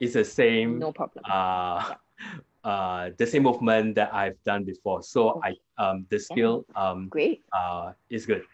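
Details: Adult man with aphasia after a hemorrhagic stroke 2 years ago; it was initially severe, with no speech in the first week, and he still struggles to complete sentences and gets stuck on basic words; improved with speech therapy; aphasia.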